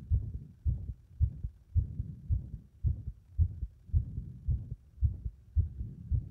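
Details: Heart under compression; dull heartbeats at about 110 a minute, fairly steady here with slight variation in spacing: rhythm becoming unstable under compression.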